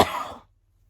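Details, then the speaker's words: Coughing 24 days into a persistent cough, school attendance and football ongoing, cough reportedly milder today. "I played football but I was cough a bit but not much at all but to be fair I have had this C for 24 days"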